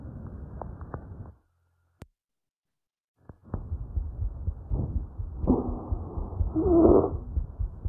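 Muffled airway noise through a stethoscope, then a harsh, rising, whistling breath sound: stridor from narrowing at the larynx or trachea.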